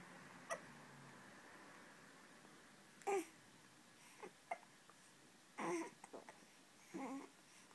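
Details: Baby aged one month and one week hiccupping in a quiet room: several short, abrupt gulping sounds, irregularly spaced, about twenty a minute; infant hiccups.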